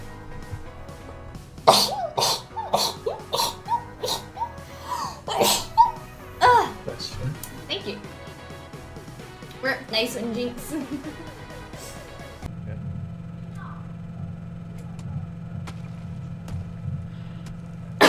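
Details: Several loud, sharp sneeze bursts amid background music and chatter, then a steady hum, from a sneezing compilation; ordinary sneezing.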